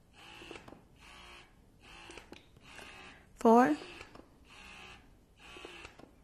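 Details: Bellababy wearable cordless breast pump running: rhythmic mechanical whirring about once a second with one loud squeak; an economical pump noted as very loud, four modes with nine levels each.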